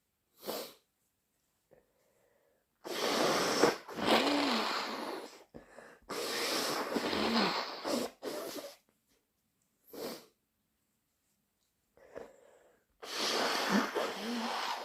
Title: Inducing with chhinkni, thick sniffles and blows